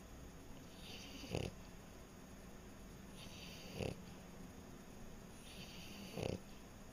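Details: French Bulldog snoring: three short snorting snores about 2.4 seconds apart, roughly 25 breaths a minute, over steady background hum.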